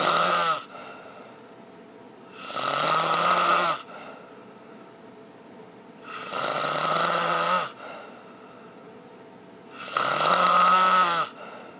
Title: Snore in the Dark Part II